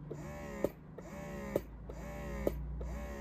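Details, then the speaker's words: Mom Uung portable electric breast pump running in massage mode: quiet rhythmic motor cycles with a soft rising whir and a click about once a second. "Sedangkan ini adalah suara untuk pompa Asim ini mode massage"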